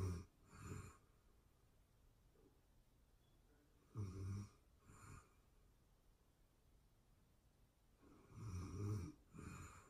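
Slow, rough snoring breaths, paired in- and out-breath noises roughly every four seconds, over faint room hum; ordinary snoring.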